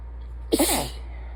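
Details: One forceful, wet, congested sneeze over a steady low hum, at the end of a sinus infection.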